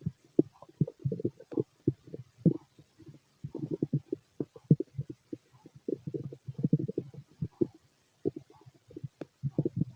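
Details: Adult male's loud stomach growling, described as a healthy digestive system: frequent low gurgles and rumbles in irregular bursts; normal bowel sounds of digestion.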